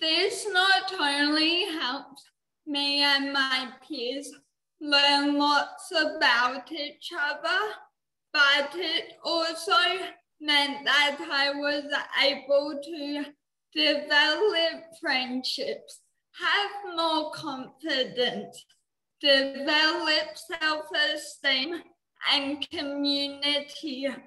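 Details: 19-year-old woman with cerebral palsy, which she says affects her mouth muscles and speech; she could not walk or talk until age eight; dysarthria (cerebral palsy).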